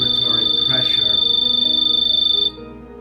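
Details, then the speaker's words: Rapid high-pitched pulsing beeps for about two and a half seconds, then stopping: the low-pressure or disconnect alarm of an EZ-Breathe veterinary ventilator on a test lung. The inspiratory time is set too low, so peak pressure is not reached. "if the inspiratory rate is set too low you will hear the low pressure or disconnect simply turning up the inspiratory time resolves this problem"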